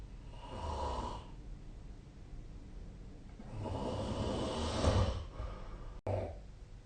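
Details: Snoring during sleep, recorded with the SnoreLab snoring app on 2025/04/30.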